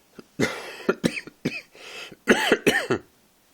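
Several short, forceful coughs in quick clusters, some ending with a voiced catch; repeated coughing.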